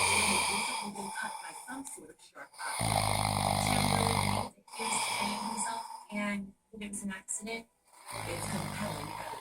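Rough, rattling breaths in irregular runs, broken by short pauses, with faint room noise; snoring.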